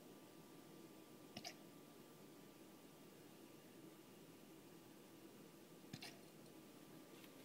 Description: What a surprise! Murphy got the hiccups...Again!